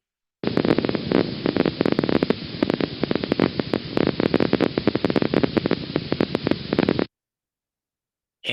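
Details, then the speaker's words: Needle EMG examples of increasing fibrillation grade, 1+ then 2+ then 3+, clicking spikes increasingly filling the baseline: fibrillation potentials. "so let's just give a couple of examples of different grades of fibrillation potentials that that would be more one plus here's so two plus and then three plus is even more"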